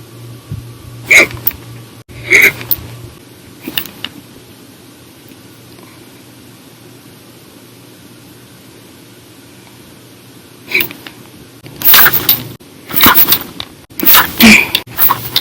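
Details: Hiccups after drinking soda after dinner, in bouts lasting about two to three hours, described as violent, loud, silent and minute: sharp, abrupt, catch-like bursts in clusters with quiet gaps.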